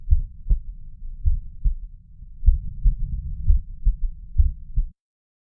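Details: Low, muffled heartbeat, roughly 75 a minute, with a soft extra thud after the second sound in some beats, heard at the mitral valve area; a third heart sound (S3).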